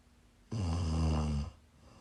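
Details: Snoring while sick: a single low, buzzing snore lasting about one second over quiet room noise.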